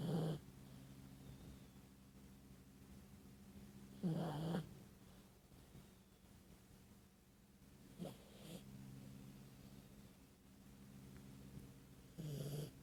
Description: Dog snores